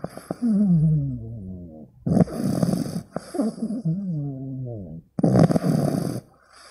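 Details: Loud snorting snores with a fluttering rattle on the in-breath and wheezy, whistling out-breaths; a sleeping 15-week-old pug puppy snoring loudly.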